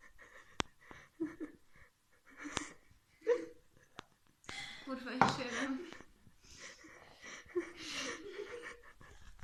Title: Czkawka/Hiccups